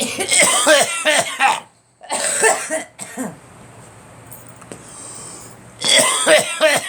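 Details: Three bursts of repeated harsh coughing separated by pauses, with quiet room noise between, from an adult who has been out in the cold too much; cough.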